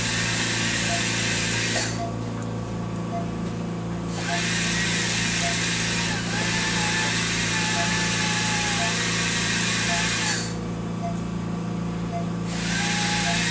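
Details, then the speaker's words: Veterinary dental cleaning under anaesthesia: a steady high hiss of the dental water-air spray switching on and off over a constant equipment hum while rinsing debris after ultrasonic scaling and polishing. "yeah then we're going to rinse in between rinse all the extra debris any couches anything else like that off"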